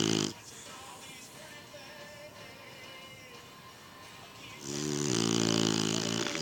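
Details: Snoring, second recording: loud, harsh snore bursts at the start and end with a quieter gap between them, heard over background music.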